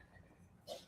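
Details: Sneezing in the background during a live discussion.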